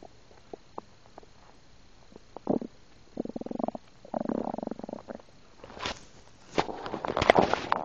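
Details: Recorded while eating a burger and drinking soda, having swallowed air, with soda heard going down: stomach noises, bowel sounds (borborygmi).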